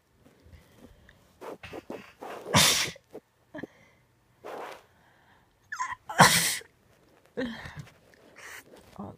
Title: Uncontrollable sneezing